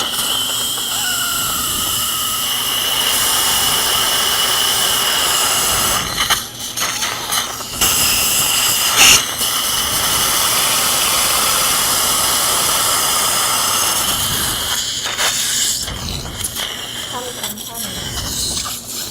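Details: Continuous high-pitched whine of a dental implant drill with brief pauses and hissing, preparing sites in the upper right jaw of a 71-year-old woman with periodontal tooth loss, near fresh extraction sockets at risk of bone resorption.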